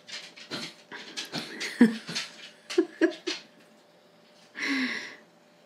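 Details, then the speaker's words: Old dog with what her vet called "old dog cough", occasionally coughing and wheezing: a run of short, harsh hacking coughs with wheezy, noisy breaths, fitting a chronic cough. "my dad old dog is in here and if you can hear her she's kind of coughing a little bit she's got what my what the her vet called old dog cough so occasionally she'll cough and wheeze"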